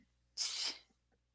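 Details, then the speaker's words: Single sharp sneeze from an adult woman heard in the background, a brief hissing burst of air then quiet. "oh my God that person sneezed right there you can hear her sneeze"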